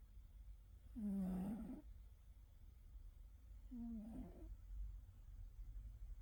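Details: Cat in deep sleep snoring loudly: two soft, drawn-out nasal snores about three seconds apart over low background hum.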